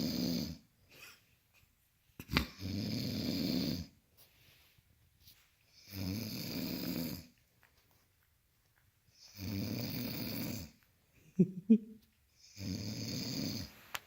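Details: Snoring: four loud rattling snores about every 3 to 4 seconds, roughly 17 a minute, with quiet pauses between them.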